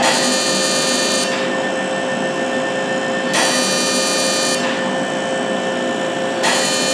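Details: Loud steady whirring and hiss with a faint tone and brief changes as pulses start and stop: a non-ablative fractional CO2 laser, combined with radiofrequency, treating numbed skin. The patient reports only warmth, no pain.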